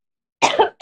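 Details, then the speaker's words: A single short, dry double-burst cough from an adult after a brief silence, during a live talk; the other speaker suggests it is allergies; a cough. "okay sorry you're good it's allergies I have the same thing"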